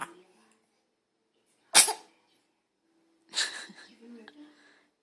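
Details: Dog sneezing, seeming to startle himself: one sharp hissing nasal burst, then a softer snorting burst, with a faint background voice.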